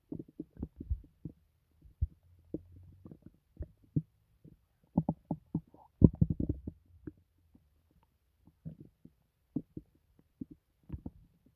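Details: Scattered bubbling gurgles and low grumbles from the belly in a quiet room; painless loud stomach noises; bowel sounds (borborygmi).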